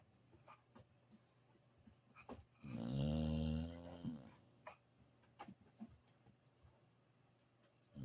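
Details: Sleeping dog snoring after a hard day of play: a single long, low rumbling snore on an in-breath, with quiet breathing and small noises around it; snoring.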